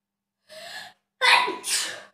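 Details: A drawn-in breath followed by a loud, explosive self-induced sneeze, recorded during a self sneezing challenge.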